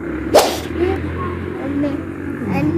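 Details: A single sharp sneeze from a young child, followed by quiet background sounds. The child has a runny nose and a triggered, allergy-type cough after ice cream and cold drinks, and was just bathed.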